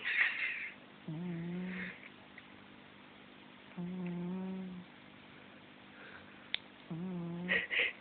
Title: Harvey the incredible snoring cat 2